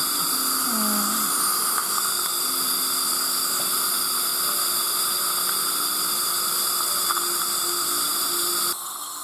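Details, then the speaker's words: Dental drill reducing the teeth of a very fearful woman in her 20s for ceramic orthodontics, after two-stage anesthesia with anesthetic tape and an automatic anesthesia device. Steady, continuous high-pitched whine with faint room sounds. "じゃあ削っていきますからね。"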